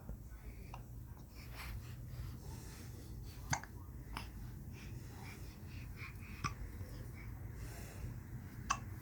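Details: Cat with hiccups: faint, brief clicking hiccups at irregular intervals against a low room hum.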